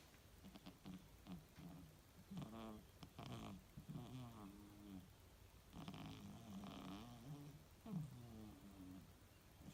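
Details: 2-year-old female British Shorthair cat snoring while napping: soft, rhythmic nasal rumbles with each breath over about ten seconds; ordinary, harmless snoring.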